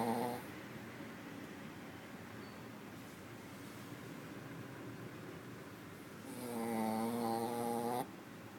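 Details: Dog snoring soundly during sleep.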